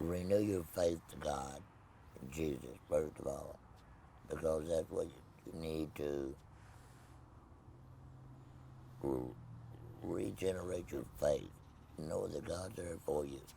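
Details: Tracheoesophageal speech in an adult man after laryngectomy, no voice box, speaking with a Provox voice prosthesis.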